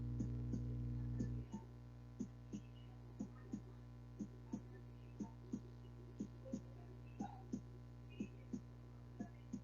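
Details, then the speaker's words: Normal heart sounds from a stethoscope-auscultation audio sample played in a patient-admission class: regular, rhythmic paired lub-dub beats at about 60 per minute under a steady hum, with a louder hum at the start. "ahora si escucharon un poquito del latido del corazón suena pues no lo dude pero es algo rítmico"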